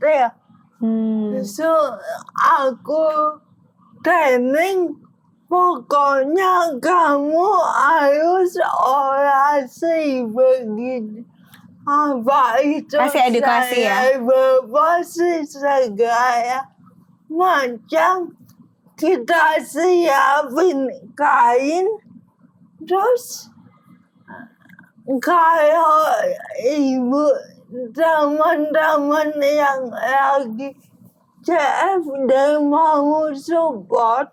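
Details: Dysarthria in an adult woman with cerebral palsy affecting gross and fine motor skills.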